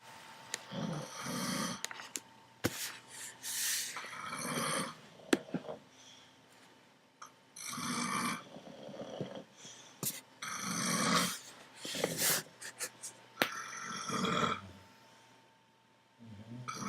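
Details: A man and a bulldog snoring during sleep: irregular rough, rattling breathing noises with quiet gaps, mixed with snuffling and small knocks.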